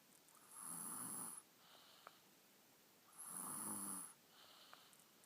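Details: A sleeping young boy snores after eating chocolate cake, snoring on each breath in with a softer breath out, about 24 breaths a minute: snoring.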